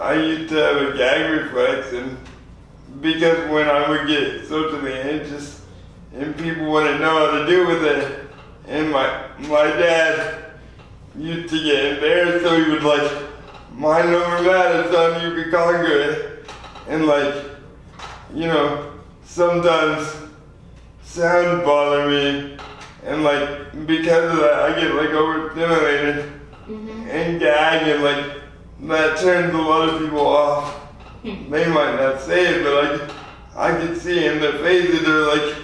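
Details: 24-year-old man with lifelong spastic quadriplegic cerebral palsy following premature birth at 2 lb 4 oz; dysarthria (cerebral palsy).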